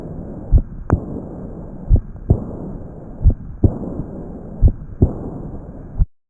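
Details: Patient with Marfan syndrome: slow paired heart sounds near 44 a minute, with a soft fading early diastolic decrescendo murmur after the second sound; aortic regurgitation.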